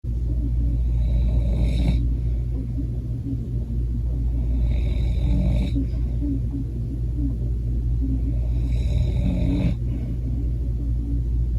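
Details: Snoring loud enough to hear from outside: a constant low rumble with a raspy snore peaking about every four seconds, around fifteen breaths a minute.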